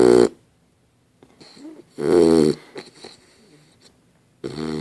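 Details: Dog Dozer sleeping and snoring: loud, rattling snore bursts spaced by quiet pauses, with softer snuffling between them.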